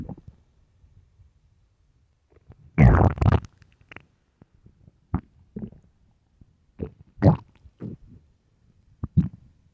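A loud, deep gurgling growl followed by shorter bubbling rumbles and squelches: stomach growling from an empty stomach.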